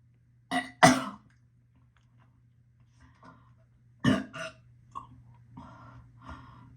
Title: Morning nauseous burping,gagging,vomit